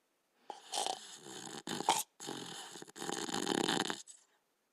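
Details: Border Collie dog sleeping: raspy, snorting breath noises, several rough in- and out-breaths in quick succession; snoring.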